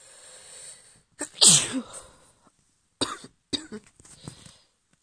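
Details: Sneezing: a female at the end of a cold, who woke up sneezing, gives a sharp, hissing sneeze followed by a few shorter sneezes or snorts in a quiet room.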